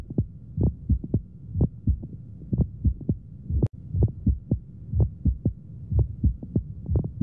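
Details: Hamman's sign in pneumomediastinum: crunching sound synchronous with the heartbeat, auscultated over the precordial area; chest X-ray shows a double pericardium sign.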